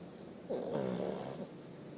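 One loud, rattling snore on an in-breath from a small flat-faced dog, over quiet room noise.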